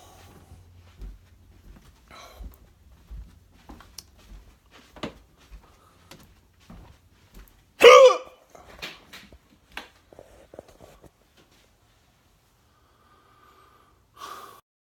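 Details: Person who thinks they ate too fast; repeated short, abrupt sounds at irregular intervals, one much louder, in a quiet room; hiccups.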